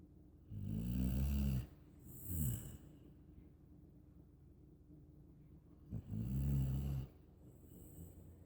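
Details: Asleep in a lap and snoring: deep, rumbling, fluttering breaths, each followed by a shorter snort on the out-breath, about 12 breaths a minute.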